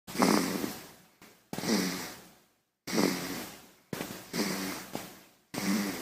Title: Baby snoring - sound effect 婴儿打呼--音效